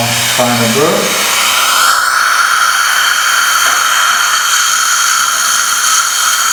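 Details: Steady high-pitched whine of a surgical dental drill running continuously after a brief sound at the start, during an immediate implant placement in the aesthetic zone, replacing a fractured tooth; cone beam showed a small bone defect.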